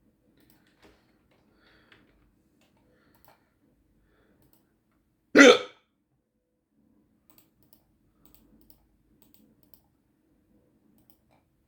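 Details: Hiccups: one sharp, abrupt hiccup breaking an otherwise quiet stretch, with faint clicks in the background, from a 15-minute bout of hiccups.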